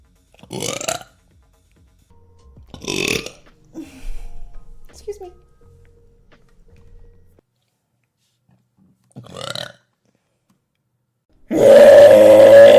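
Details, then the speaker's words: Livestream burp compilation: a run of short, croaking burps in quick succession, followed by a burst of music. "Excuse me. It didn't come out all the way. I'm sorry."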